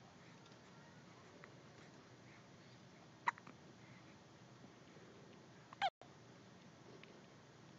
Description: Colin has the hiccups, which are very loud for little podlings.